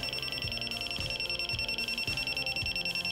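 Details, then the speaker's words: Handheld Neatcell pulse laser used for tattoo removal on the skin, smoking the hair and stinging: rapid, steady high-pitched beeping at about 200 a minute with soft low thuds as the laser fires. "can't see the hair is burn alright I spend my laser I don't know why they make it beep it goes up to some different settings"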